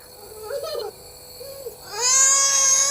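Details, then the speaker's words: A young girl with fever, cold and cough cries in short wavering bursts, then a sustained high-pitched wail, while refusing steam inhalation after taking medicine, with steady background hiss. "भाग रो नहीं रो नहीं और ये biscuit में लेंगे।"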